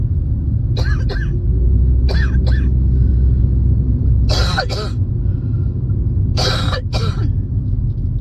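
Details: Four bursts of paired harsh coughs, about eight in all, recorded while driving over steady car road rumble, late in a spring cold; a coughing fit with a common cold.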